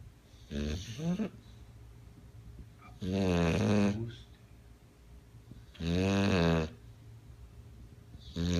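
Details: Bulldog asleep on owner's father: loud, fluttering, throaty snores roughly every three seconds, about 23 a minute, with a buzzing tone; snoring.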